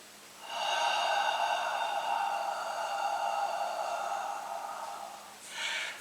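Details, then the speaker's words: Respiratory physiotherapist demonstrating chest clearance by autogenic drainage: breath in through the nose, held, then one long gentle sigh out lasting about five seconds until normal air comes out or a crackle is felt, then a short breath. "the next step is a repetition of the last breathe ideally in through your nose hold your breaths are came to see then gently sigh out until normal air comes out or until you feel a crackle"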